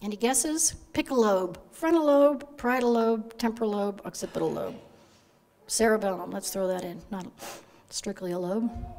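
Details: Adult woman lecturing; normal speech.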